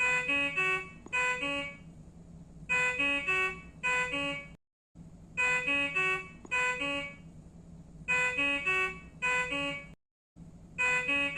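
Repeating bursts of high electronic beeping tones with short silent gaps, an infusion pump error alarm.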